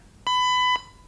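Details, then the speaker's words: Zoll AED defibrillator training demonstration, not a real patient: a steady half-second electronic tone marks shock delivery after analysis and a 3-2-1 countdown. It is followed by the prompt to start CPR with metronome feedback. "So the shock has now been delivered and we know that it's safe to touch the patient."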